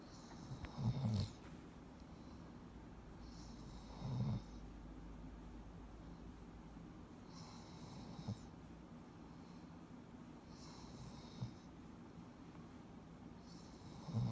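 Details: Snoring: soft, low snuffling snores with a faint whistle, irregular, about 19 a minute, over a steady low hum.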